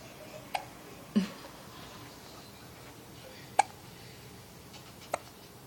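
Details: Four brief, sharp hiccup clicks over about six seconds, irregularly spaced, against quiet room noise: ordinary hiccups.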